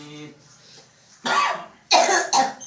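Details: Patient with a cough lasting 4 years, recorded during a ruqyah session: a faint voice, then three harsh, forceful cough bursts; chronic cough.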